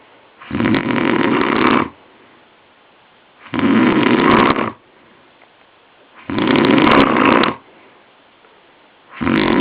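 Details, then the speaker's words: Sleeping man later diagnosed with chronic sleep apnoea: loud, harsh rattling double snores in regular bursts on each breath, about 22 a minute, with quiet gaps between; heavy snoring. "And there it is, his infamous rattling double snore!!!"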